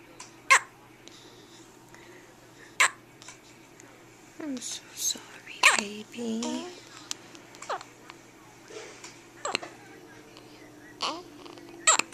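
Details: A newborn a few hours old with her first hiccups after birth, likened to a little puppy: sharp, brief catches every few seconds between soft whispered talk and babble; hiccups.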